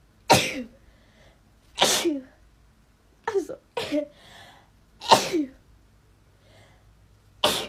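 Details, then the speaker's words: Five sharp sneezes in quick succession, each a sudden loud burst with a short tail, separated by quiet pauses; ordinary rapid sneezing from a compilation. "thank you capture it's gonna make me sneeze okay"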